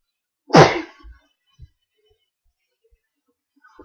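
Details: A person sneezing during a casual conversation: a single sharp, loud explosive burst of breath with a brief voiced onset, then quiet with faint small noises: one sneeze.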